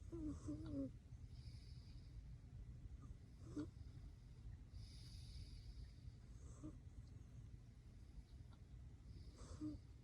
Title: 자면서 코고는 고양이~ Snoring cat while sleeping